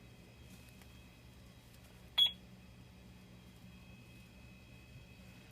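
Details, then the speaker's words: IV infusion pump powering on while setting up a primary infusion, before connecting it to the patient: a single short high electronic beep in a quiet room after pressing system on. "okay before connecting it to my patient we're going to set up the pump so you're going to press systems on"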